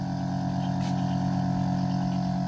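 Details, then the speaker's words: Steady low motor hum of an Oxymed portable suction machine (220 V, 1-litre jar) running with the line blocked to build vacuum; suction so strong it grips the demonstrator's finger. "इसको देखिए अभी इसने उंगली को मेरी पकड़ लिया है सक्शन इतना पावरफुल है देखिए उंगली के साथ"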